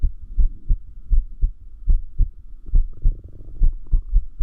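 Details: Heart sounds of irregular heartbeat, noted to increase with sleep deprivation; low thumps about 70 per minute with uneven spacing between beats; arrhythmia.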